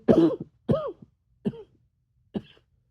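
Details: Four separate harsh adult coughs taking on a barky, hoarse edge, the last ones shorter and clipped; barking cough.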